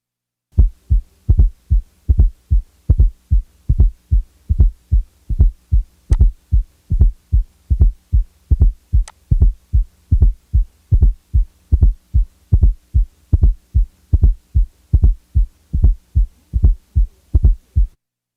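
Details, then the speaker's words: Fourth heart sound (S4): regular low heart sounds near 75 a minute, with a soft, low-frequency extra sound just before the first sound, an S4 gallop; teaching recording. "since the S4 is a low frequency sound it is best heard with the Bell lightly held listen now to an S4"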